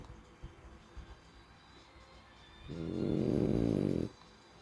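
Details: Quiet room, then one loud rattling, buzzing snore lasting over a second from a sleeping French Bulldog; snoring.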